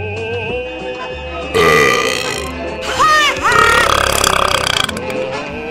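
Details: Student-made animation, not real: loud, drawn-out cartoon burps over background music. Burping.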